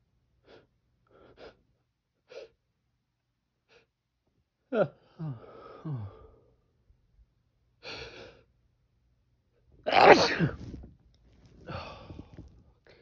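Quiet sniffs and an indrawn breath build up, then a loud explosive sneeze near ten seconds, followed by a softer exhale. Sneezing.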